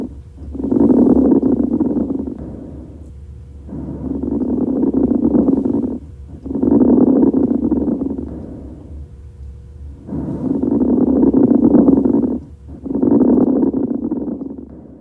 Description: This is coarse crackles, otherwise known as rales.